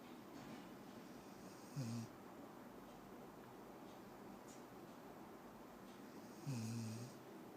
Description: 6 month old labrador, named Ally...in a deep sleep....and she snores loudly!